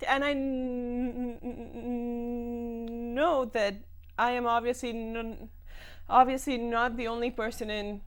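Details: Adult woman who stammers, speaking in a TV talk-show interview; stammering.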